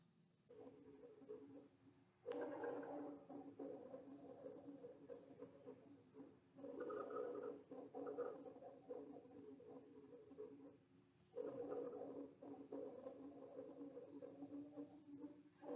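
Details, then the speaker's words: Teaching audio sample of rhonchi: low, coarse, snoring-like rumbling breath sounds at about 13 breaths a minute; occurs in bronchitis, pneumonia and COPD. "Due to muscular spasm, fluid or mucus in the large airways, or new growth or external pressure causing turbulence, it creates this rhonchi sounds."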